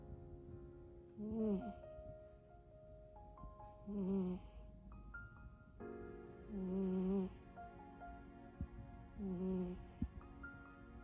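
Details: Sleeping cat snoring, sounding like a human, possibly dreaming.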